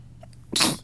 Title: Stuffy Sneezes